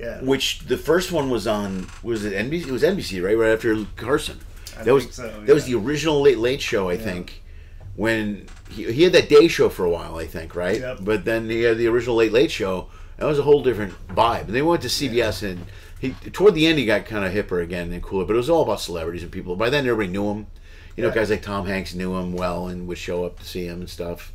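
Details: Adult male speaker, podcast conversation; normal conversational speech.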